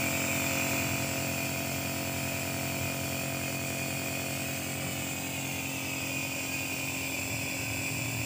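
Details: Steady, loud mechanical buzz and hum of a running compressor, a home nebulizer machine set up for nebulizing babies and children.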